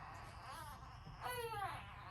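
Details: Newborn baby girl, the mother's second baby, born 9 lb 9 oz: a wailing cry with a clear, rising-and-falling pitch against quiet room noise; an ordinary healthy newborn cry.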